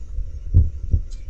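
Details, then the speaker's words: Normal first and second heart sounds heard through a stethoscope synced with cardiac ultrasound: one clear lub-dub pair over a low background hum. "so this device manufacturer literally synced a stethoscope along with what we're seeing here a stethoscope with ultrasound so you can actually see it means that you know what's causing the first heart sound"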